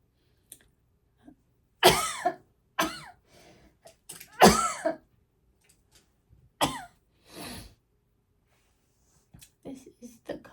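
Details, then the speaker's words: Three or four loud, harsh coughs with throat clearing between them, from a person with asthma that is worsened by something in the room they are allergic to. "I'm really sorry for those coughs, guys. Not my intention. But when is it someone's intention to cough?"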